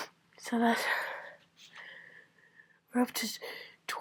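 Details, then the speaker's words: Adult with a common cold for about a week, bouts of uncontrollable, very messy sneezing about every two hours, keeping a tissue count: two forceful sneezes with voiced lead-in breaths and explosive release, room hum behind. "Oh, there's more coming. I can I can feel it. These are just massive."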